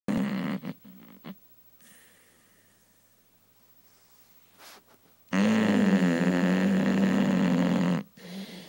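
A sleeping dog gives a few soft snorts, then one long, loud rattling snore; ordinary snoring during a nap.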